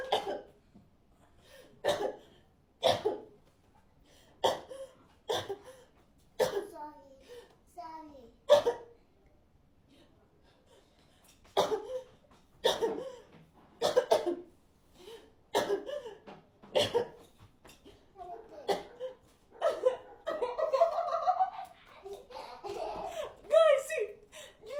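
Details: Voluntary cough: an adult parent deliberately fakes repeated sharp, forced coughs with throat clearing to see a daughter's reaction, and a child's voice joins near the end.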